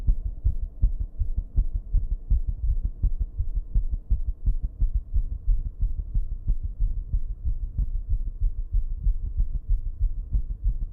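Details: Racing heartbeat turning irregular with heavy breathing, fast uneven thumps over a steady background hum from recording in a bathroom.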